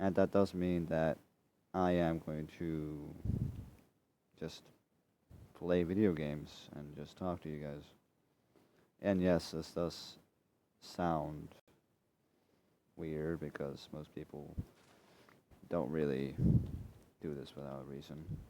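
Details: Male speaker who says he is dyslexic and stutters over his own words, often repeating himself, and cannot really control it: stuttering.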